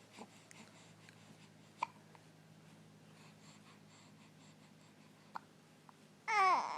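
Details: A few soft, sharp hiccups in a quiet room, ending with a baby's vocal sound.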